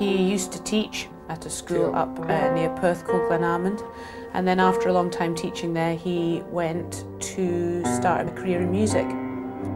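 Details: Adult speaker narrating; ordinary fluent speech.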